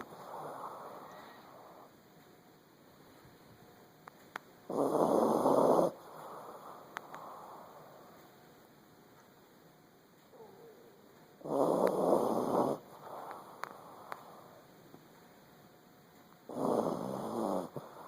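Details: Miniature Pinscher dog asleep snoring: loud rasping noisy bursts recur every several seconds between quieter breaths, steady room noise; snoring.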